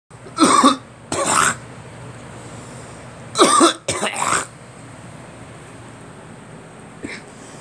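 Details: Four harsh, loose cough bursts in two pairs, then a faint final sound, from an adult.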